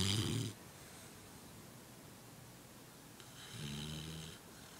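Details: Almost 3-month-old female pet asleep on shoes while a cat comes to check on her: two rough, low snoring breaths with a hiss on each inhale, over steady background hiss; plain snoring.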